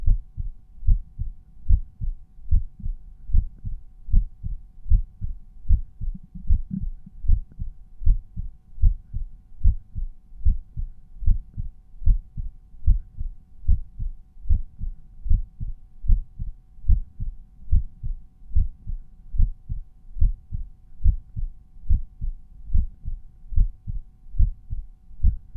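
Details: Resting heartbeat heard at a cardiac auscultation point; normal heart sounds.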